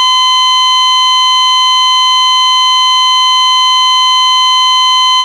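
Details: Sound-effects library recording of an ECG heart monitor flatline: a steady, unbroken high-pitched tone.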